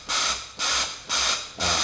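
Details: Rapid, even hissing gas bursts at about 120 per minute from a Paravent high-frequency jet ventilator with multi-jet generator (usually number 10), delivered noninvasively through a soft-edged transparent face mask; high-frequency jet ventilation via face mask.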